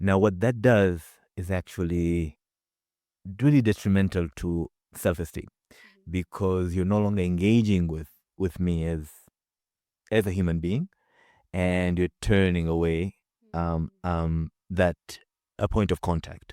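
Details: Adult man with a real stutter, speaking about his own experience with stuttering; stuttering.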